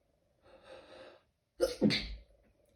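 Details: Stifled sneeze at work, in a bathroom during a sneezing fit: a quick in-breath, then one sharp, muffled sneeze held back with a closed mouth.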